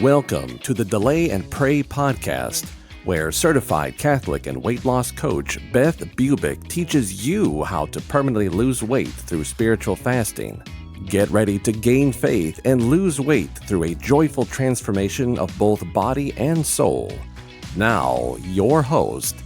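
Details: Adult male announcer; Normal voice.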